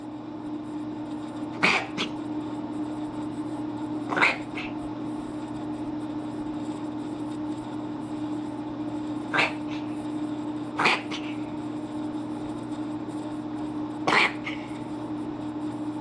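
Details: Cat that does this from time to time; owner asks whether it is reverse sneezing. Five sharp, snorting nasal bursts, some doubled, are heard over a steady room hum.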